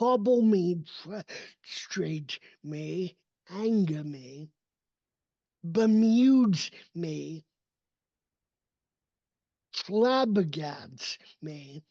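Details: Adult male with cerebral palsy, a neurodevelopmental disability affecting his motor development and movement; real, not acted; dysarthria (cerebral palsy).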